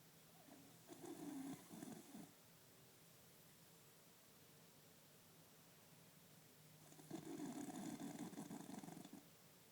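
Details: A person sleeping, with two long, rough, rattling breaths about six seconds apart in a quiet room, about ten breaths a minute; slow snoring.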